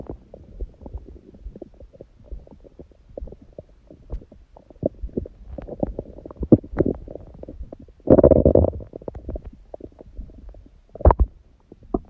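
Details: Own belly sounds after a large first meal of the day at 16:00, following water-only fasting since 19:00 the day before, and after abdominal exercise (raw-food diet): frequent gurgles, clicks and a longer bubbling rumble; active bowel sounds.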